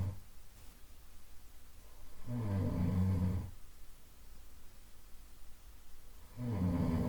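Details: Soft nasal snoring: low, gentle, regular rumbling snores on the in-breath about four seconds apart with quiet breathing between, from a 15-minute sleep-sound loop meant to simulate a sleeping partner.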